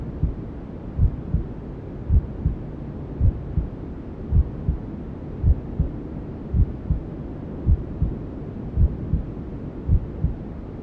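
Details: Maternal heartbeat sound with white noise and other womb sounds, for settling a newborn to sleep: soft regular low double thumps about 54 a minute under steady rushing hiss.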